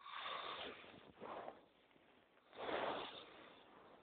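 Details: Rough snoring: harsh, raspy, noisy snorts in uneven bursts, described as snoring like a bulldozer going uphill; muffled, low-quality recording.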